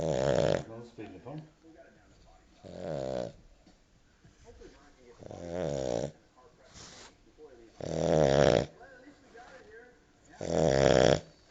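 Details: Family dog snoring while asleep: loud, rasping snores in a steady rhythm, about five over eleven seconds with quiet breathing between; ordinary snoring.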